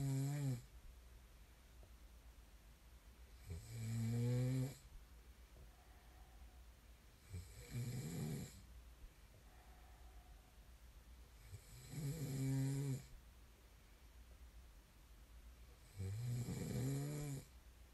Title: [코 고는 소리 ASMR] 코 고는 사람을 좋아하는 사람은 없겠죠? There's no one who likes snoring, right?